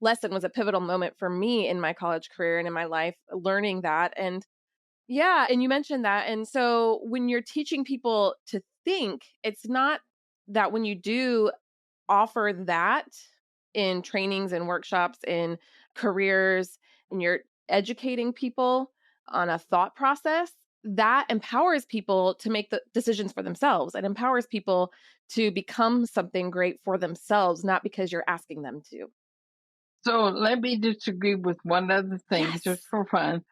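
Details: Adult woman speaking; typical speech.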